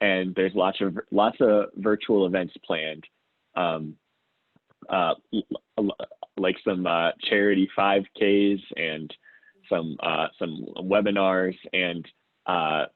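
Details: Adult who self-identifies as a person who stutters, speaking conversationally about their own real stuttering; stuttering.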